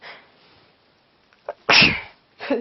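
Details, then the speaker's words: Adult with a cold repeatedly sneezing while trying to talk: a sharp inhaled build-up, then a loud explosive sneeze and the start of another; says talking makes them sneeze more. "makes me sneeze more makes me sneeze more"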